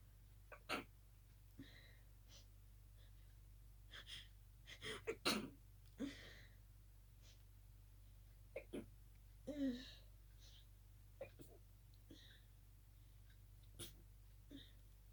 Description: Just another night-time sneezing fit... I was trying to stifle them as best as I could 🤧